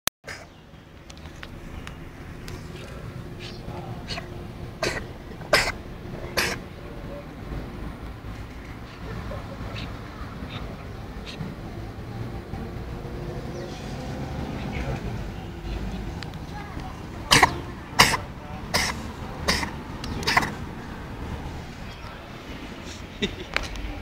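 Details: A cat's cough: short, dry, hacking coughs in two bursts over steady background rumble.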